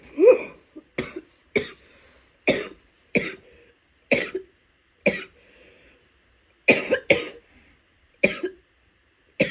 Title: wet coughs (f) some spitting